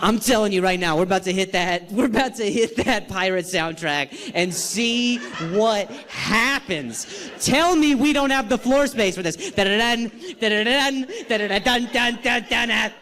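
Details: Stuttering in an adult male comedian performing live on stage, who says he has not stuttered this badly in a long time and has had involuntary sounds and tremors this week.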